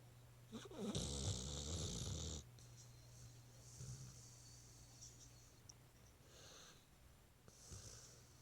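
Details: Dog snoring while asleep: one loud rattling snore, then quieter breathing with softer snorts and a steady low hum behind.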